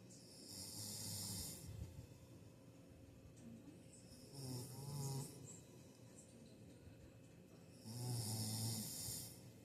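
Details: Sleeping individual snoring: slow, rumbling snores with a faint whistle, about three breaths in ten seconds, over quiet room noise.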